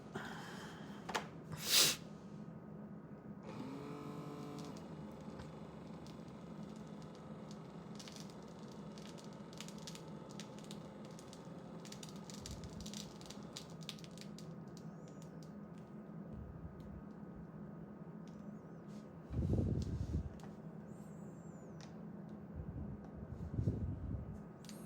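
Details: Middle-aged man on amlodipine for hypertension takes his evening home reading: the pump whirs about ten seconds, then the cuff hisses as it deflates; reading 124/73, pulse about 75; automatic blood pressure cuff inflation and deflation.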